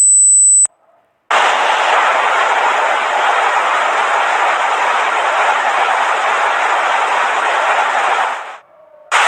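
A brief high steady whistle, a pause, then loud sustained hissing roar: simulated tinnitus sounds.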